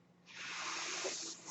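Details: Breath cycle from the podcaster's own home mechanical ventilator, audible in the background of a real spoken recording.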